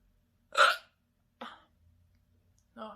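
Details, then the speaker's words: Hiccups induced by burping after gulping a drink: three abrupt, sharp hiccups over about three seconds, the first loudest, in a quiet room. "The rest of it got stuck, I think. These hiccups are just all burp induced."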